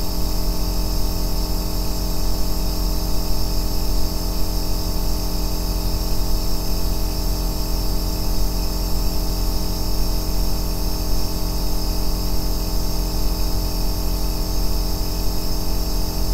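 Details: Aerosol nebulizer compressor running, recorded as deep-bass white noise for sleep and relaxation: an even, deep motor drone with faint hiss, steady throughout.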